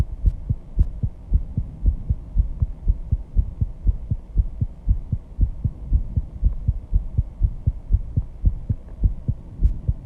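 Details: Own heartbeat after intense exercise, measured at 134 bpm and loud enough to hear without a microphone at first: fast, pounding beats over a background hum; rapid heartbeat after exercise.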